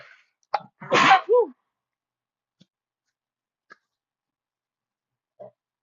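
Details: Sneezing fit at a desk: a single loud, explosive sneeze with a sharp intake before it, followed by quiet.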